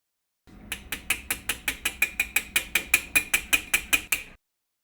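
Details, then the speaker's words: Lapidus procedure for hallux valgus, AO workshop: about 19 quick sharp metallic taps as a hammer and chisel complete the osteotomy cut. "as before the cut can be completed with the hammer and chisel"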